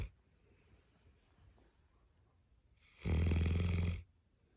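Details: Snoring from a sleeping Tibetan Mastiff puppy: a single loud, low, rattling snore on the in-breath after a quiet pause.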